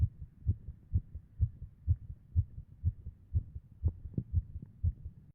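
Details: Heart sounds recorded during MRI: regular, fast, low thumps at about 125 beats a minute, each strong beat followed by a softer one.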